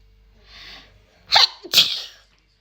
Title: pretty woman induce uncovered sneeze🥺 pt1